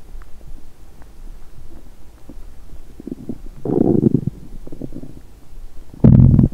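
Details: Hunger-related bowel sounds from a woman on day one of a 7-day fast: low gurgling and rumbling bursts building to a loud rumble near the end, normal borborygmi.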